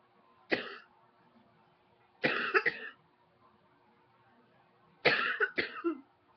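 Three separate coughing episodes, single then double bursts, harsh and brief, in a quiet room.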